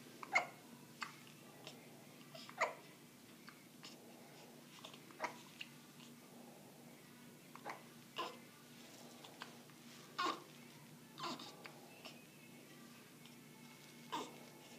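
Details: Hiccups: faint, brief catching sounds every couple of seconds with soft breathing between.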